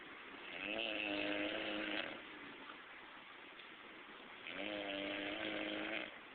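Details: Loud snoring from a Haitian person (part 2): two long, buzzing, tonal snores on breathing in, about four seconds apart, over background hiss; snoring.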